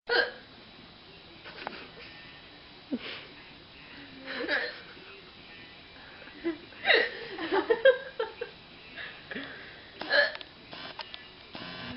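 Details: Abrupt catching hiccups recurring every second or two after too much alcohol, mixed with laughter and voices in a noisy room; drunken hiccups, the hiccupper says they hurt.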